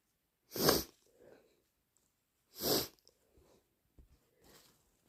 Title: Induced hayfever sneezes and blows